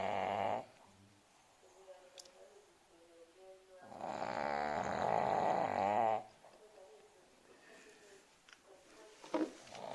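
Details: Sleeping pug dog snoring: loud, rattling snores with quieter whistling breaths in between.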